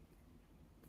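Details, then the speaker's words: An adult's stomach growling (borborygmus) heard while speaking, which she takes as her stomach telling her to eat. "ah did you hear that was my stomach it was my stomach saying kj shut up and eat"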